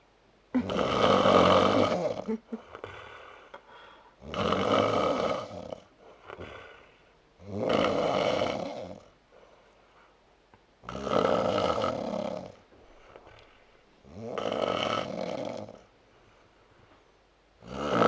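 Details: Snoring attributed to Oktoberfest drinking: loud, rough snores on each breath in, about 18 a minute, with quiet breaths out between.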